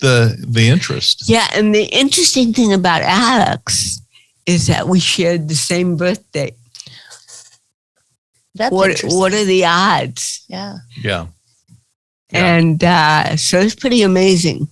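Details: Dysarthria in an adult woman with cerebral palsy.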